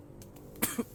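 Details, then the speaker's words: Adult with a cold (flu-like illness, nasal voice) coughing during a talk: a quick run of two or three short, dry coughs in a quiet room. "Esse vídeo, nossa, nesse vídeo eu tossi tanto que é capaz de vocês pegarem resfriado só de ver."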